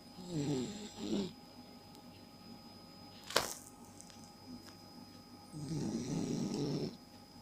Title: Snoring princess